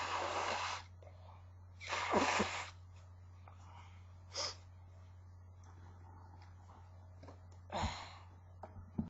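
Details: Sick person recording a sneezing fit with a couple of false starts and some nose-blowing: sneezing.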